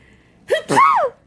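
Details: A baby, who had hiccups after laughing too much, sneezes once: a small sharp inhaled catch followed by a voiced burst.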